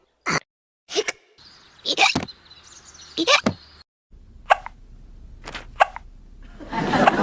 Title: People Who Have Hiccups Part 2